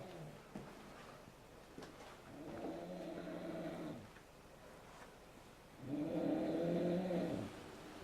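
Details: Adult man snoring in bed: long, loud, rattling breaths recurring a few seconds apart in a quiet room; snoring.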